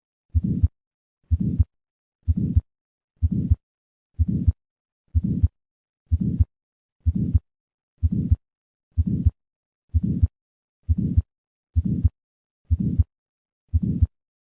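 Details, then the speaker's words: Regular heartbeat near 62 a minute with a soft, diamond-shaped early-peaking systolic murmur, heard best at the second left intercostal space, from turbulence across a normal aortic or pulmonic valve; innocent systolic murmur. "m mode echocardiography has demonstrated high frequency vibrations of the aortic valve which correlate with the pitch of innocent systolic murmurs"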